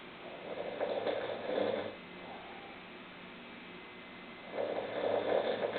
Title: snoring 001